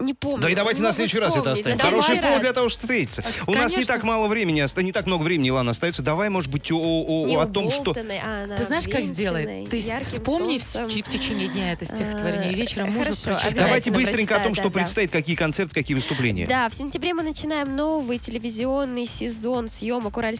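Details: Adult female speaker, radio studio; normal speech.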